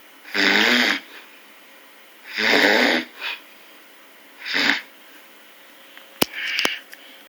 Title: Snoring bear